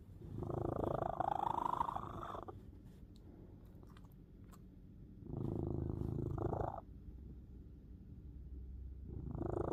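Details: A sleeping cat snores: slow, rough, rumbling breaths about every four to five seconds, with quiet pauses between them.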